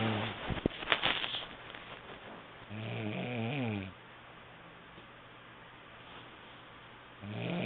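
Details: Ordinary snoring during sleep, recorded on an HTC mobile phone: a loud rattling snore on one breath, then quiet, then the next snore starting.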